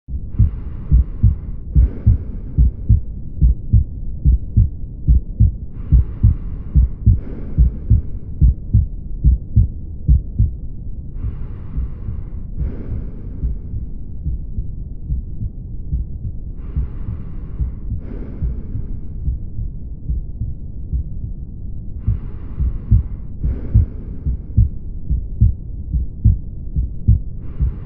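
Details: Mitral regurgitation: regular heartbeat about 72/min with a soft first sound and a band-shaped, pouring holosystolic murmur through systole.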